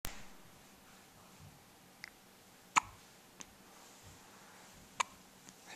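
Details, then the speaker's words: Baby almost a month old with hiccups: sharp, abrupt hiccups, about five in six seconds at uneven spacing, in a quiet room. "yeah I have the hiccups they're annoying"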